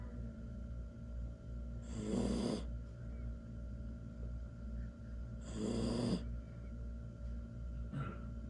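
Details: Snoring from a sleeping 11-week-old Samoyed puppy: soft, rough snores about every three and a half seconds over a steady room hum.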